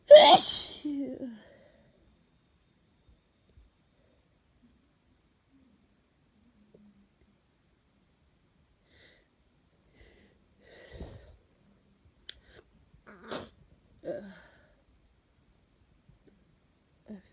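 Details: Sneezing during a cold, in someone feeling miserable and itchy: one loud, forceful sneeze with a sharp intake before it, then quiet with faint sniffs and breaths.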